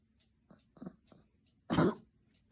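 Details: Dog coughing: three soft huffing bursts leading into one loud, harsh cough.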